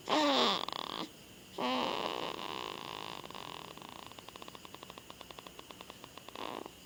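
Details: Sleeping girl snoring (said to snore like her father): harsh, fluttering breaths with a rattling vibration on each breath.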